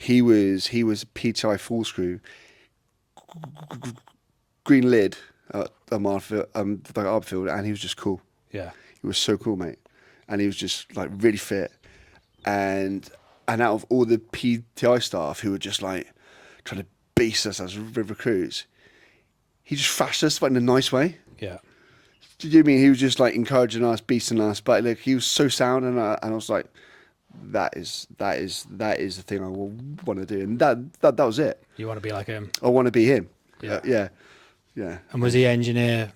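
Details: Adult man with a lifelong stutter; a speech therapist linked it to signalling between brain and mouth muscles and to breathing and speech timing; stuttering.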